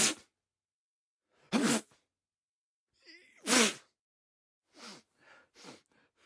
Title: HUMAN MALE SNEEZE SOUND EFFECT 1